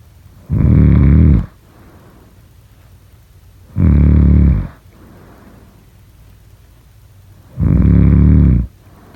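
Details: Loud, low, rumbling snores at regular intervals of about three and a half seconds, with softer breaths between, during sleep; snoring.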